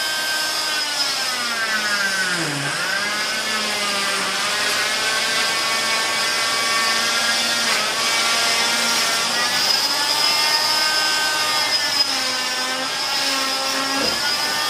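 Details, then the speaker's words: Oscillating cast saw removing a fiberglass total contact leg cast, cutting up toward the toes to expose underlying black foam; steady high whine, pitch dipping as the blade bites into cast material. "One hand on the saw, one hand on the leg for stability, and then come right up. You can see we're exposing the black foam that we applied over the toes."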